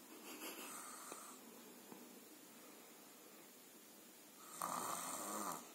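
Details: Soft, noisy breathing with a louder rough snore near the end, from a sleeping baby; infant snoring.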